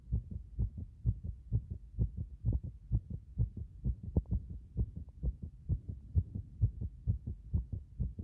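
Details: Clear, regular lub-dub heartbeat heard through a stethoscope at various chest positions, about 65 beats a minute, with no extra sounds between beats; normal heart sounds.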